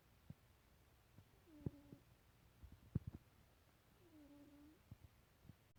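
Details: Two soft, whistling nasal snores about two and a half seconds apart, over quiet room noise and faint purring: snoring.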